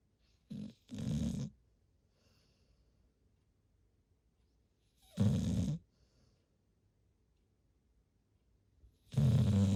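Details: Large retriever dog asleep in a quiet room: deep, low snores roughly every four seconds, about 15 breaths a minute; snoring.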